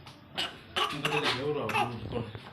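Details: A young girl's persistent cough that isn't getting better: several short, harsh coughs with brief voiced, whimpering sounds between them, recorded in a small room.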